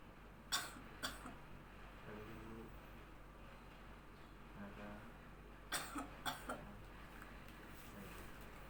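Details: Adult woman doing voluntary effective-cough practice guided by a nurse, after deep breathing: two short coughs, a pause, then three to four coughs in a row; quiet room noise.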